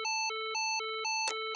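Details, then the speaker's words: LIFEPAK CR2 AED in adult mode, electrodes on bare chest: rapid alternating two-pitch tone with brief sharp burst as the shock is delivered, then prompt "shock delivered, give chest compressions, follow the rhythm"; AED shock delivery tone. "defibrillering levererad ge bröstkompressioner följ takten"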